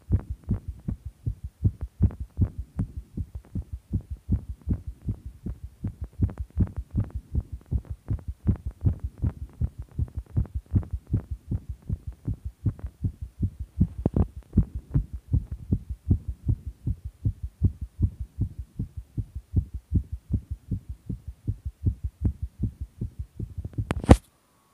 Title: fast visible heartbeat